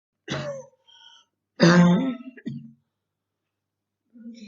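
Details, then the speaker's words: Girl with very hard bronchitis during quarantine: two harsh, throaty coughs with voiced rasp and throat clearing, followed by a short cough. "This is my my quarantine. A very hard bronchitis, really."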